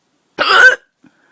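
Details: Person with ongoing hiccups of unknown cause: a single short, loud cough burst in a quiet setting; cough.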